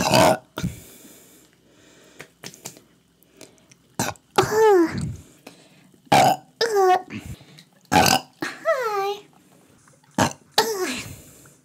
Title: Burp Compilation